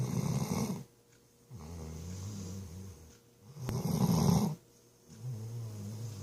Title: BBB snoring